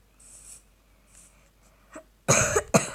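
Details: Adult woman who says she has fallen slightly ill (cold with runny nose) gives two harsh cough bursts while playing Minecraft, after soft clicking and quiet room noise; cough.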